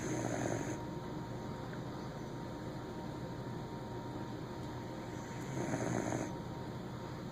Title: Cletus the daschund snoring